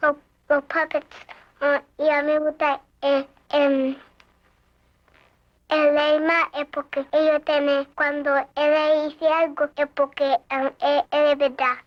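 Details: Young child speaking Spanish; childhood stuttering.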